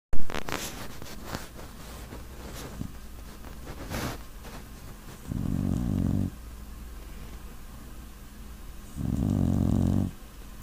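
Two low rumbling snores about four seconds apart over faint room noise; ordinary snoring.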